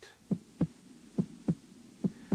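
Regular paired lub-dub sounds at about 70 beats a minute with no added noise: normal heart sounds at the Erb's point.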